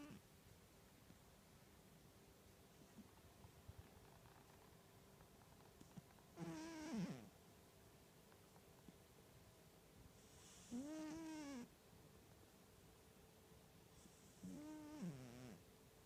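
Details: Sleeping cat snoring hard: three loud, squeaky, whistling snores about four seconds apart in a quiet room.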